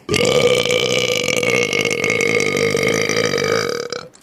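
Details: One long, loud, steady-pitched belch lasting about four seconds from a gamer; voluntary belching.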